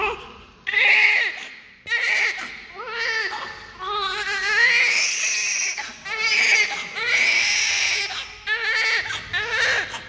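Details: Loud, sustained crying in strong repeated bursts with brief pauses for breath from an active newborn; a vigorous, healthy-sounding newborn cry.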